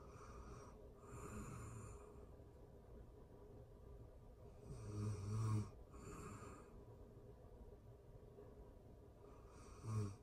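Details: Ordinary sleep snoring for anxiety relief: slow, low rattling snores on inhaling, three in about ten seconds, quiet breathing between, faint room hum.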